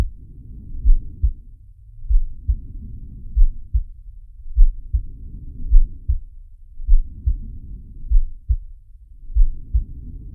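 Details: Animated cartoon shark character's heartbeat and breathing sound effect: low, muffled thuds pulsing steadily under slow, swelling breaths, roughly 50 cycles a minute; heartbeat.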